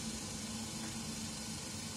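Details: Philips EverFlo oxygen concentrator switched on, with a humidifier bottle and nasal cannula connected: a steady motor hum with a constant airy hiss.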